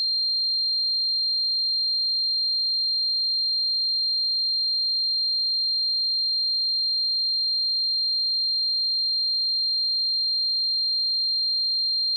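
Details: Simulated tinnitus sound effect: a steady, unbroken high-pitched tone throughout, imitating constant ringing; tinnitus simulation.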